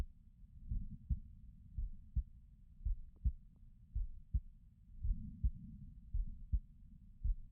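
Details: Person's own heartbeat: steady, paired low lub-dub thuds at about 55 beats a minute with a quiet low hum between beats; an adult heartbeat.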